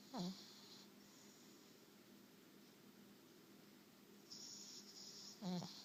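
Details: Two brief snorting snores about five seconds apart over quiet room noise, from a dog taking a nap; snoring.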